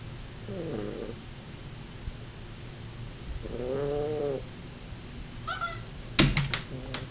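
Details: Non-show Siamese cat with an extreme overbite who has snored all her life: two drawn-out, tonal, moaning snores about three seconds apart, then a few brief clicks; snoring.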